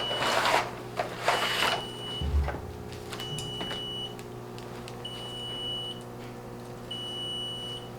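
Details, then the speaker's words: Level One rapid infuser and fluid warmer alarming with repeating high-pitched tones over equipment hum and clatter because it is not yet set up and ready. "also if you do hear the beeping in the background it is just alarming letting you know that it is not set up and ready to go"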